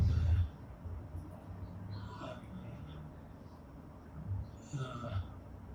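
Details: Man in his 40s with ALS, a clinical trial participant, attempting to talk: severe dysarthria, very difficult if not almost impossible to understand.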